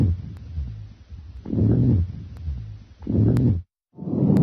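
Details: Rhonchi heard on chest auscultation during a lung exam, patient breathing normally: continuous deep, sonorous, low-pitched rumbling with each breath.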